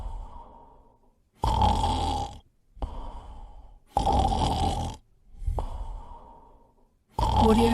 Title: Snoring compilation 105